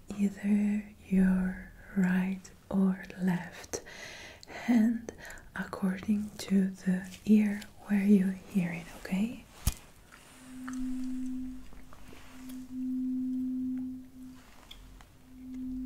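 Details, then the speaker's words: Simulated ASMR role-play hearing test after ear cleaning: after soft whispered talk, a tuning fork is held still and rings with a steady low tone while the listener is asked whether it sounds louder in the left or right ear. "and I ask you to focus on the sound and perhaps notice if there is a difference in the perception. Do you have a better time hearing it to the left or to the right ear?"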